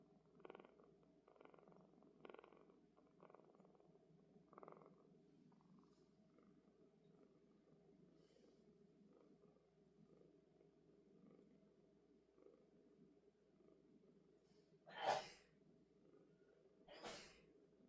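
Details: Cat sneezing during purring, with soft rhythmic purring followed by a sudden sharp sneeze-like burst and then a second, smaller one.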